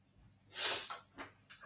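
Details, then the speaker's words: Nose blowing by a self-described very congested person: one long forceful wet nasal blow followed by two shorter rushing blasts. "I need to turn this off because that's going to be so hot just gonna blow my nose"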